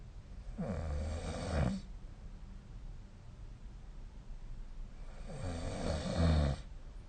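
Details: Snoring during sleep: two long, low, rattling inhalation snores about four seconds apart over quiet room noise.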